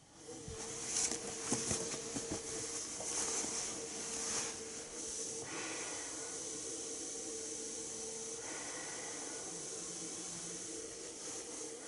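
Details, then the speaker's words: Steady airy hiss of pressurized air through a Philips Respironics Pico nasal CPAP mask tested at 12 cm of water pressure during a mask fitting, with faint breathing changes; normal CPAP airflow. "I'm going to be testing this at 12 centimeters of water pressure. And go."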